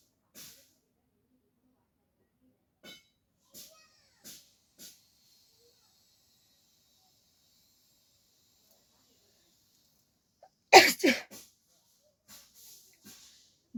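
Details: Woman doing a sneezing challenge, provoking a sneeze with an object: a few faint sniffs and breaths in a quiet room, then one loud, sharp sneeze burst with a short tail.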